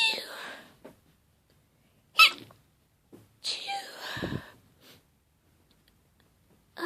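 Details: Sneezing fit during a cold: a run of sharp, explosive sneezes separated by quiet pauses.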